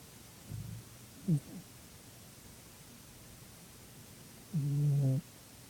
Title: My cat snores again